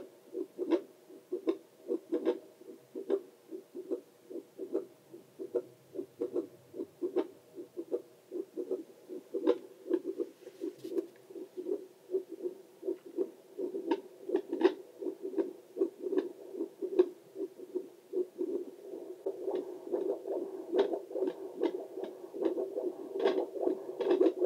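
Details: Own heartbeat recorded with a Doppler for relaxation: steady whooshing pulses about 75 a minute; normal heartbeat.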